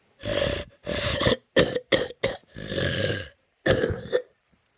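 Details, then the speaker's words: A run of about seven harsh, forceful coughs, some drawn out and rough, with brief pauses between; cough. "seriously like what what is this right now seriously that is disgusting isn't it at all that is a cough"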